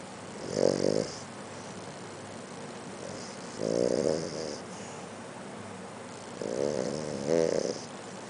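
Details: A sleeping Maltese dog with rhythmic, fluttering snores on each breath, roughly every three seconds, in a quiet room; snoring.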